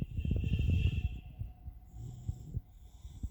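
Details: Sleeping Labrador dog named Max giving low rumbling, snorting breaths repeating irregularly; snoring.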